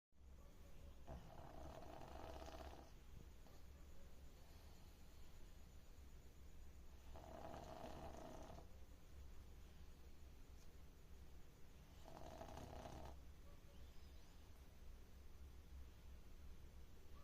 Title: pug snoring loudly 😴🐶 #doglover